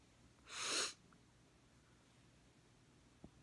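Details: Girl in glasses sneezing without covering her face: one sharp, explosive sneeze in a quiet room, followed by silence and a faint sniff.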